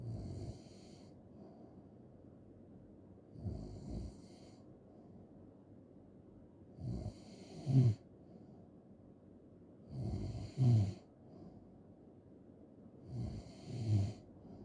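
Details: Loud, rough, rattling snores on each in-breath, roughly every three to four seconds, about 17 a minute, with quiet pauses between; snoring ASMR recording.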